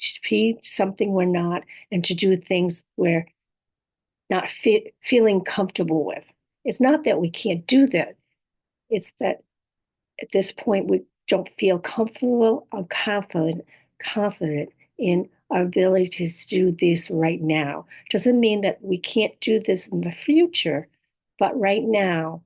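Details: Adult woman, stroke survivor, living with apraxia of speech, dysarthria, aphasia and other communication disorders; she says her speech can be hard to understand; aphasia with apraxia of speech and dysarthria.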